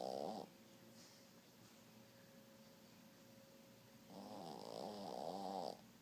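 Two long, wavering, buzzy snoring sounds separated by a quiet stretch; snoring.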